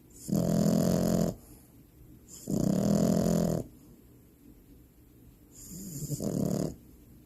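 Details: A sleeping French bulldog puppy, tagged with possible sleep apnea: loud, rough, rattling snores on each breath, three in about seven seconds; noisy upper-airway breathing during deep sleep.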